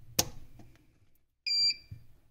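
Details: Medinza MED:300 1 and 3 MHz ultrasound physiotherapy unit switched on: a click, then a single short high beep, its power-on tone.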